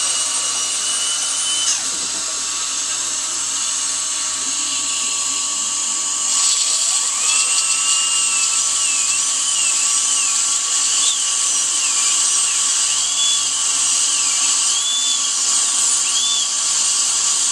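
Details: Steady high-pitched dental drill whine, rising and dipping as it cuts, with hiss of air and water spray. Recorded while preparing a tooth for a bonded white (tooth-colored resin) filling done without needles.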